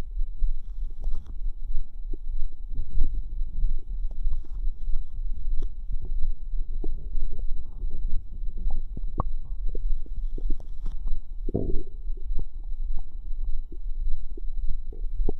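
Low gurgling, bubbling and squelching rumbles with scattered pops; ordinary bowel sounds of digestion.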